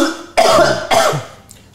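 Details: Two harsh dry cough bursts with no wet rattle from a child with autism who is staying home because of being sick.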